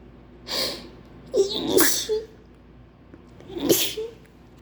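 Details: Three wet, explosive sneezes in quick succession, each with a short voiced cry, an acted sneezing fit; the performer claims a terrible flu with wet sneezes they try to hold in.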